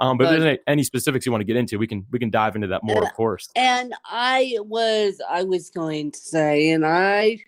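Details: Adult speaker; normal speech.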